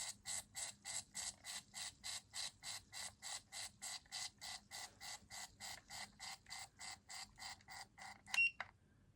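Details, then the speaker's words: Kaugic electronic ear irrigation device (ear wax removal kit with camera) spraying into the ear canal: regular hissing water pulses about three per second, stronger than expected, with poor seal on the ear. "And I'm going to hit this little button that says spray. Ah. Oh my gosh. I was not expecting it to be that strong."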